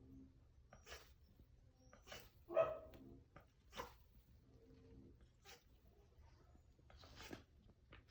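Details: Cayuga duck with gasping respiration, owner suspects gapeworm, recorded before fenbendazole treatment: quiet, repeated short hissing gasps with one brief squawk, suggesting laboured breathing.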